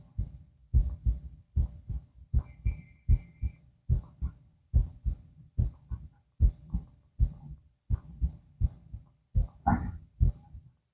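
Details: Heart auscultation lying down: steady paired heart sounds through a stethoscope at about 72 beats a minute, with no added noises; normal heart sounds.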